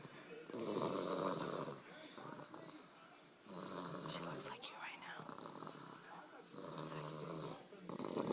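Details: One-year-old sleeping on Christmas night: repeated rough, rattling snores about every three seconds, with soft background noise between breaths; snoring.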